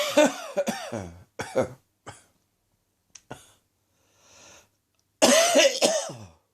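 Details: Morning chesty cough, less than an hour after getting out of bed: clusters of deep, harsh coughing with throat-clearing and a breath in between; a productive cough.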